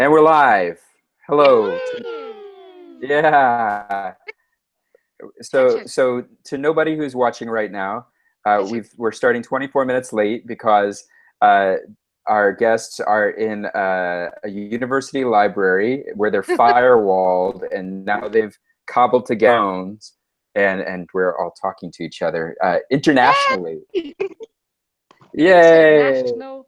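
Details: Adult male speaker; ordinary speech.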